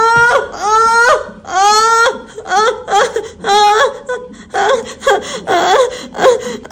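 Loud, vigorous, repeated wailing cries from a newborn, about one a second; a strong first cry after birth.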